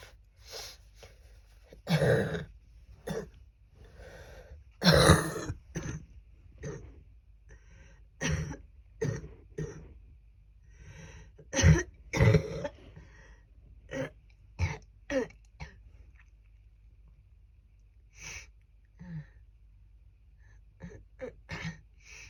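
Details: Repeated harsh, chesty, phlegm-laden coughs with throat clearing from an adult woman with a cold, at her worst coughing, when she feared pneumonia, with lots of phlegm.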